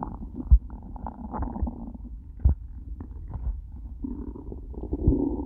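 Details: After eating nothing all day, low gurgling rumbles with a few louder bubbling pops; stomach began to hurt by the end; borborygmi from an empty stomach.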